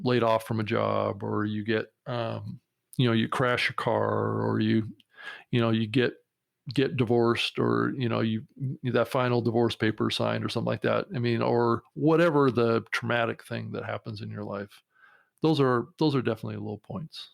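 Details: Adult man with a lifelong stutter since early life who still finds speaking in noisy environments very hard; stuttering.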